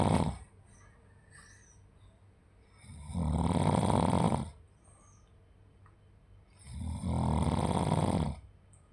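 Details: Loud, rough, rattling sounds on each breath, about three breaths in nine seconds with quiet pauses between: typical snoring.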